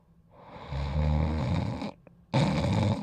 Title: Dodger Sleeping & Snoring